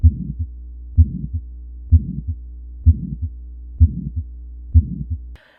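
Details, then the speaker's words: Pediatric cardiology teaching recording: regular heartbeat about 64 a minute with a short murmur heard right after the first heart sound; early systolic murmur. "Early systolic murmurs are short and heard right"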